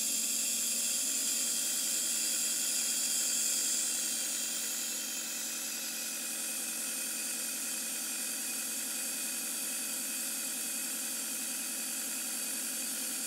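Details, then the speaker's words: Compressor nebulizer running after pressing start at home, mist held near nose or mouth for breathing difficulty: steady hiss with fast, even mechanical buzz as air turns liquid medicine into inhaled mist. "Start বাটনে click করার পর দেখুন কিভাবে নেভুলাইজার machine থেকে এই পেপারটা বের হচ্ছে।"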